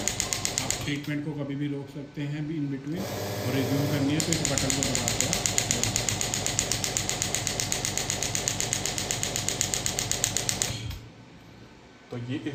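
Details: Pneumatic radial extracorporeal shockwave therapy (ESWT) physiotherapy machine demonstrated with the handpiece off the hand at maximum intensity: rapid, regular mechanical tapping about four shots a second with a hiss of air.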